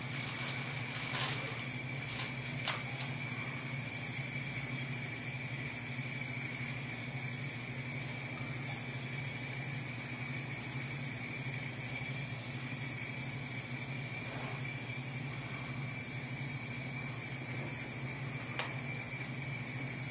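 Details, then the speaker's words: Large volume nebulizer on a 1 L sterile water bottle, oxygen flow meter at 12–15 L/min, FiO2 set by adjustable collar, large bore aerosol tubing: continuous steady hiss of gas flow delivering aerosol. "adjust the F2 of the neb head by turning the adjustable collar to the proper percentage turn the flow meter to 12 to 15 L per minute Place device on patient"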